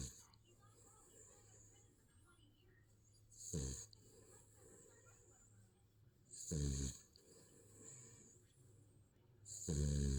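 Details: Sleeping baby snoring: soft, rattling snores on breathing in, about three in ten seconds, over quiet room noise.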